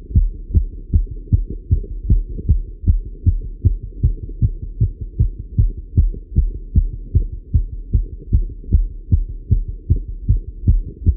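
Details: Male heartbeat recorded while riding a bike: strong regular heartbeats at roughly 150 a minute with a low hum; fast but normal heart sounds during exercise.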